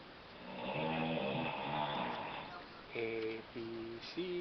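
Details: Woman snoring in her room several meters away, heard from another room: loud, drawn-out droning snores with a buzzing, vibrating quality; heavy snoring.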